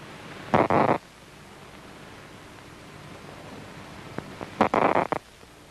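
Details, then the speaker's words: Cat visual cortex orientation-detector cell recorded with an electrode: two bursts of crackling spikes over a quiet hiss, with a few lone clicks, as the cell fires strongly to a bar moving at its preferred orientation. "these cortical cells are called orientation detectors the response is usually even better if the bar is moving first at the correct"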